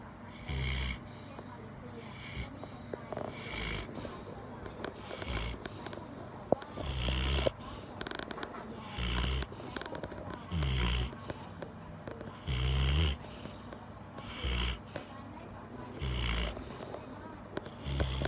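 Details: Golden retriever sleeping: short, snorting snores every one to two seconds, with faint room noise and clicks.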